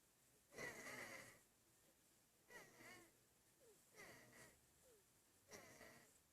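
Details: Infant breathing hard: four noisy, effortful breaths with a whistling, wheezy edge and brief grunting sounds between them, consistent with laboured breathing.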